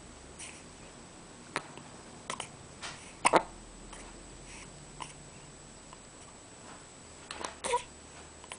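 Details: Hiccups while awake with eyes open: brief, sharp, catchy sounds at irregular intervals, about six in nine seconds, over quiet room noise.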